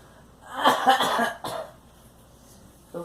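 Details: Short burst of two or three coughs, then a quieter rough sound, in a small room; a girl coughing.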